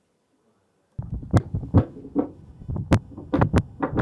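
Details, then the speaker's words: Young Irish setter puppy with reverse (right-to-left) patent ductus arteriosus due to pulmonary hypertension, shown with a phonocardiogram: S1 followed by a clearly split S2; split second heart sound. "phonoc cardiogram here, you can see very clearly the S1 and then the split S2."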